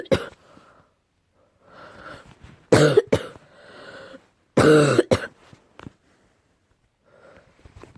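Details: Several deep, forceful coughs from an adult, some in close pairs, with quieter breathy sounds between them; the recording is tagged allergy.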